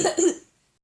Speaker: Sorry guys, these coughs.